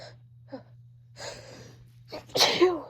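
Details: Sneeze during a sneezing fit in a woman after a massage with a menthol-like scent, while talking: short catching breaths building up, then one loud full sneeze over a low steady hum.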